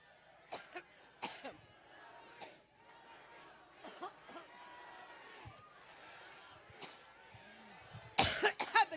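Repeated sharp dry coughs from an adult at a microphone, with crowd murmur and room echo behind.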